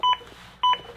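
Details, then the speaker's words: ZOLL AED Plus demonstration with Real CPR Help during chest compressions: the metronome gives short electronic double-tone beeps about 0.6 s apart, pacing compressions at the target 100–120 per minute. "So, we want to listen to that metronome and then also pay attention to any of the voice prompts if I start to not go deep enough."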